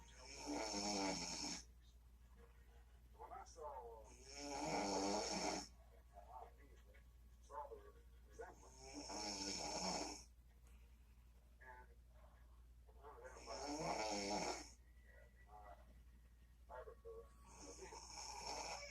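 Loud, rattling snores on each breath, about 14 a minute, with quiet gaps and a steady low hum behind them. Typical snoring.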